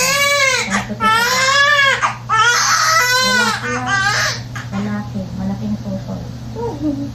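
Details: Loud, rhythmic crying in repeated strong bursts with adult voices in the background; a vigorous, normal cry from a newborn baby boy just after birth, the mother's second baby.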